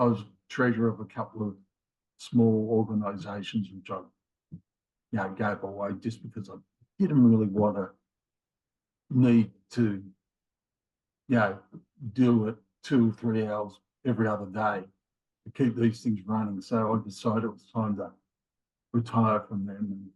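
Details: Man in his late 50s with mild aphasia after a left-sided ischemic stroke in January 2020, with word-finding difficulty that worsens with fatigue; also has a history of two heart attacks and rheumatoid arthritis; mild aphasia (word-finding difficulty).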